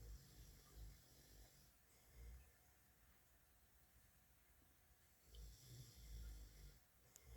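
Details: Low rumbling snoring breaths at irregular intervals over steady room noise, with a hamster nearby reacting to the snoring.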